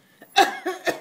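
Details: Adult deliberately coughing on command: a voluntary fake cough as a quick run of about three short, voiced bursts.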